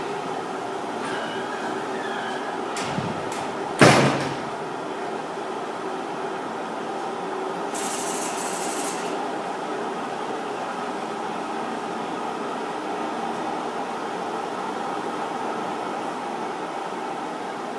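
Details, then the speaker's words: Room ventilation noise in a negative-pressure room housing gas sterilizers in a hospital sterile processing department: steady rushing airflow with a brief door clunk. "and here's the actual sterilizer yes we can go in our gas machines are under ventilated negative pressure room for safety"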